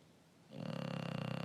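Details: English bulldog snoring with tongue sticking out: a low, rattling, vibrating snore that rises out of quiet and holds steady, coarse fluttering snoring.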